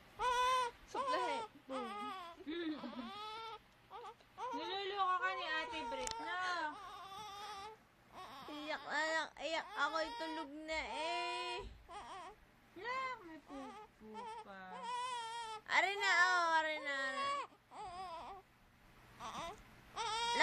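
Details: Young child crying after waking from sleep, with repeated wailing and whimpering sobs in uneven bursts, quiet room noise and music; a soiled diaper is mentioned as the likely reason.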